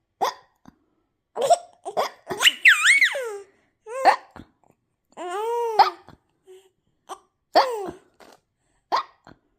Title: Can't decide between hiccups and laughter #newbornbaby #hiccups